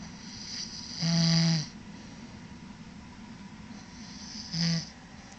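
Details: Two loud buzzing, fluttering snores about three seconds apart, with soft breathing between: snoring.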